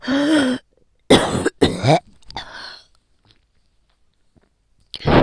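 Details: Adult with a common cold, bronchi painful even on inhaling and coughing very painful, taking daily painkillers: harsh, forceful coughing bursts; cough with a common cold.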